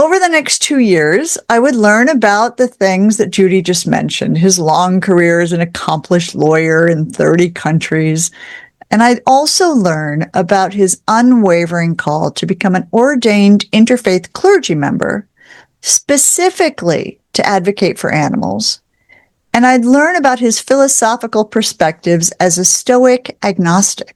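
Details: Adult woman speaking; normal speech.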